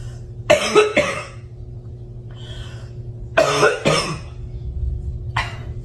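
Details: Coughing compilation: two pairs of sharp, explosive coughs with a short hacking sound between and a small final cough, over steady room hum.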